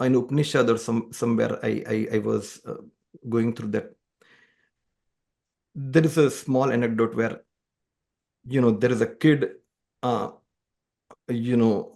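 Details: Adult man who stammers, speaking conversationally in a podcast interview; he says music has helped his stammering; stuttering (stammering).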